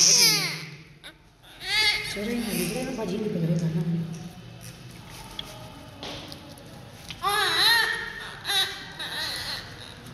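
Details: Newborn baby being cleaned of vernix caseosa with oil and soap: strong, high-pitched cry in repeated bursts with breaths between, over room noise; a normal vigorous newborn cry.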